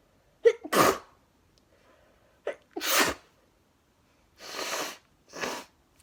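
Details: Two sharp, very wet sneezes, each preceded by a quick intake of breath, then two short noisy nose-blowing sounds; part of a series of 22 sneezes with nose blowing; sneezing.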